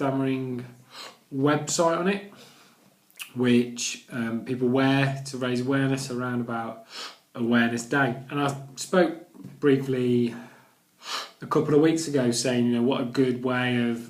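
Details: Adult male vlogger who stammers, recovering after Starfish Project therapy, with speech reportedly much more severe before therapy; stuttering (stammering).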